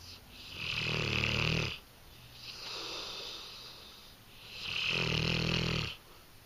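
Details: Loud, deep snores with a whistling edge, steady in and out breathing, from a sleeping female English Mastiff dog: snoring.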